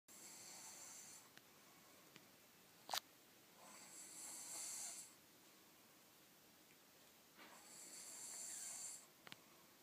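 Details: Person snoring, still going 8 hours later: breathy, hissing snores about four seconds apart in a quiet room, with soft clicks between breaths.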